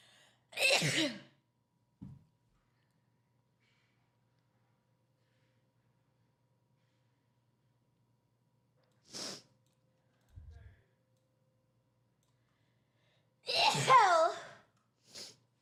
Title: Sneezing Attack